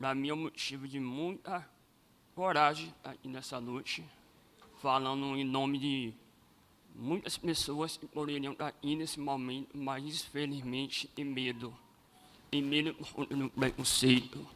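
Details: Adult man born with cleft lip and palate; first surgery at age 5, second at about 18, seven surgeries in all, speech therapy from age 7 to 17, and his voice never fully rehabilitated; cleft palate speech.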